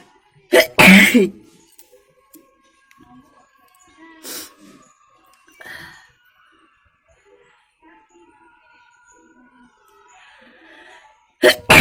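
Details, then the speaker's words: Person with a cold and nose full of mucus, heavy head, sitting on a balcony: several sneezes separated by quiet pauses with soft background music; repeated sneezing. "তো দেখলে বন্ধুরা, এই মুহূর্তে এতগুলোই হাঁচি হলো, আরও কিছুটা সময় দিলে হয়তো হতো।"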